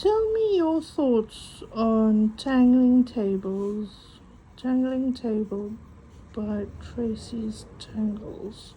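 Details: Adult woman with a stutter mainly on vowel-initial and W words, coping with breathing techniques; stuttering.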